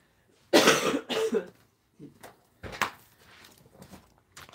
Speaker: I still have a little bit of a cough from my cold that I had. It's taken me a while to get over that cold, so I'm sorry if I sound a little bit stuffy and if I have to cough every once in a while.